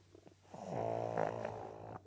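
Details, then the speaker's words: Flat-nosed dog: a single long, buzzing, rumbling snore on one breath. "Why do you snore? You have a flat nose, I know that, but stinky."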